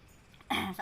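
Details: Person eating very spicy level-5 fried chicken during a mukbang: one short, harsh cough burst after a quiet stretch, a reaction to the spicy food; cough.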